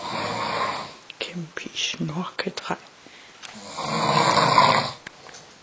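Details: Adult man snoring in sleep after rich food and red wine: two loud, rasping snores with scattered clicks and smacking sounds between them; loud snoring.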